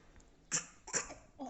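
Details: Young child pretending to cough: two short, soft, breathy cough sounds; acted cough.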